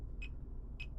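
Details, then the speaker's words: Fingertip pulse oximeter in a demo beside a Realme Watch 5: two short, high electronic beeps about 0.6 s apart over a low room hum; pulse beeps. "So, let's have the checking or have let's have a simultaneous monitoring of our heart rate with a fingertip pulse oximter."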